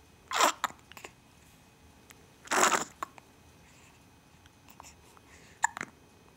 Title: Hiccups